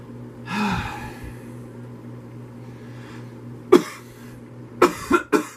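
An adult gives a breathy inhale, then four short, sharp coughs with a steady low hum behind.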